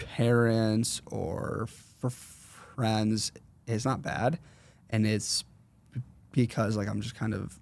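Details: 21-year-old man with a severe stutter since fourth grade; severity varies and is worse when he consciously processes what he says; stuttering.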